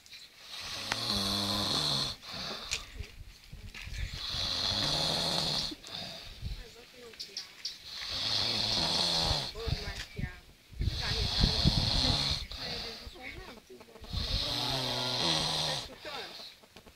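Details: Adult caught asleep in a car, loud rhythmic snoring, about five rough snores in the clip, roughly 18 per minute: snoring.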